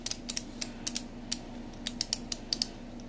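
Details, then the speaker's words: Type 2 diabetic, insulin dependent, dialing an insulin pen to a dose (55 units plus correction, 57 units) at lunchtime: about fourteen sharp, light clicks in irregular bursts, one click per unit. "and you just dial it up to there."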